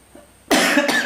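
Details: Man who says he has been unwell gives a single loud, harsh cough burst after a quiet moment; cough.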